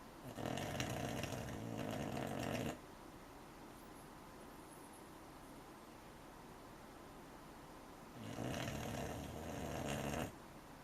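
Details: Two long, rumbling snores on the in-breath from a sleeping American Cocker Spaniel puppy, separated by quiet pauses, about eight breaths a minute; ordinary puppy snoring.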